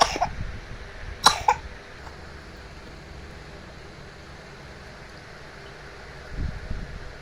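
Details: Child with a cough and cold who is still eating well: two short coughs near the start, then quiet room noise with a faint rustle at the end.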